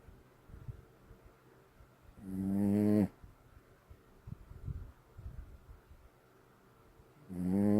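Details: Two loud, vibrating snores about five seconds apart, rising in strength, with quiet breathing between; ordinary snoring.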